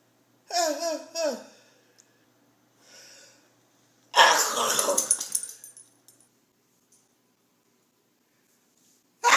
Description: This grandma sneezes several times a day. Everyone has a unique sneeze but this grandma sneezes like no other. Her dramatic sneeze is almost like a scream.